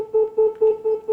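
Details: Repeating pure beeping tone, about four pulses a second: the activation signal of an ultrasonic harmonic scalpel (about 55,500 vibrations per second) during a laparoscopic-surgery teaching demonstration, the jaw pressed on the presenter's finger without burning.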